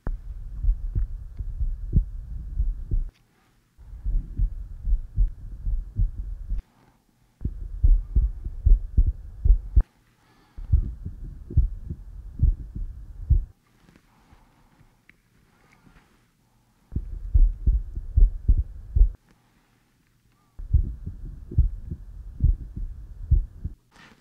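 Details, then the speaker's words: Standardized patient in a chest pain/shortness-of-breath OSCE exam, breathing normally; Eko electronic stethoscope heart recording, edited overlay. Regular low thumping heartbeats about 75 a minute, in segments with short gaps: normal heart sounds. "okay I'll just breathe normally I'm going to listen to your heart now"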